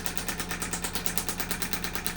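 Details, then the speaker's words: Radial shockwave therapy on a chronic condition, treated around a joint with gel to break up adhesions: rapid, regular mechanical tapping pulses, about eight a second, as the device sends pressure waves into the tissues. "you're going to hear some pulsing sounds, and that is just the instrument sending sound waves into those tissues, breaking up adhesions."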